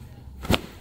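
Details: Female personal trainer with stiffness of the upper and lower back, shoulders and neck, relaxed on her side during a chiropractic pelvic adjustment; a single sharp crack over quiet room noise, joint cavitation from lumbopelvic manipulation.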